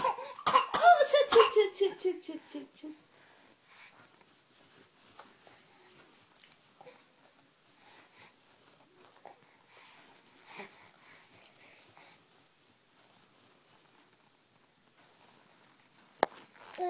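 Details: A child gives a quick run of forced, voiced fake coughs to draw the mother's attention, then the room falls mostly quiet: a voluntary cough.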